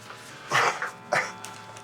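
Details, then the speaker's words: Two short, dry voluntary coughs into the hand, given on a paramedic's request while the chest is palpated to check for chest pain in a man after an electric shock. "And can you just cover your mouth with your hand and cough for me and tell me if there's any pain when you do"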